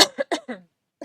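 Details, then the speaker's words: Adult woman coughs near the microphone while talking on a podcast recording. "go try not to cough directly in the mic I hope you didn't hear that too loud"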